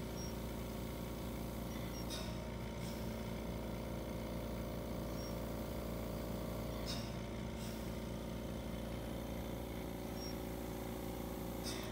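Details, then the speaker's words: Steady mechanical hum with low rumble and faint periodic hiss of an office oxygen concentrator supplying oxygen near the patient end of a Breas Vivo 40 BiPAP invasive passive-circuit setup for a spontaneously breathing tracheostomy patient. "in this case I want to do it closer to the patient turn our concentrators on obviously if you were in the hospital you could use the flow meter to do the same thing but here in our office we're going to use this concentrator"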